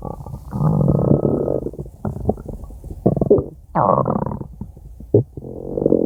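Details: Loud gurgling, rumbling and squeaky bubbling from the belly; stomach growling (borborygmi), normal bowel sounds of gas and fluid moving through the gut.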